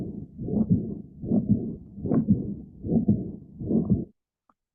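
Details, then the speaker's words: Mixed mitral stenosis and regurgitation: regular low heartbeats about 75 a minute with a rumbling to-and-fro murmur filling each cycle. "that's both stenosis and regurgitation so it's not getting out and it's leaking backwards"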